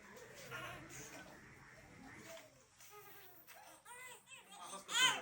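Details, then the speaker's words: Infant with noisy nasal congestion (snuffling, gurgling, often evenings) gives brief high-pitched cries after one saline drop in each nostril; mild crying loosens mucus. "বাচ্চা একটু কান্না করবে, কান্না করলেও কি হবে, বাচ্চার এই যে ময়লাগুলা কি হবে, ফ্রি হয়ে যাবে।"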